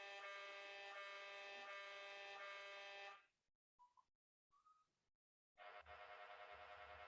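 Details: MRI scanner during a scan, played to show how loud the exam is: loud, harsh, rapidly pulsing buzz, a short quiet gap with faint tones, then the loud pulsing returns: MRI scanner noise.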